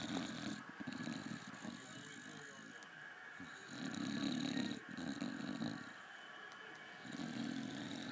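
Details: Sleeping bulldog snoring; repeated raspy, rattling snores, each breath about a second long with short gaps between.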